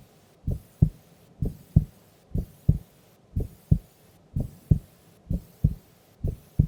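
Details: Female asleep during an afternoon nap: clear regular lub-dub heartbeat at about 62 beats a minute; normal heart sounds at rest.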